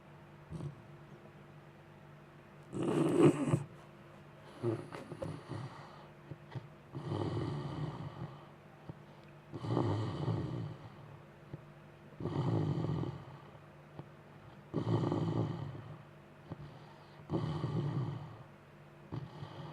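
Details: Juno snoring loudly after a long day, a snorting or grunting sound from her cave: loud, rough, slow steady snores, about eight to nine over twenty seconds; ordinary sleep snoring.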